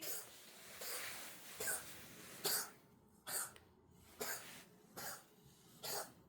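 About seven soft, hacking cough bursts from a cat at roughly one per second, heard against quiet room noise.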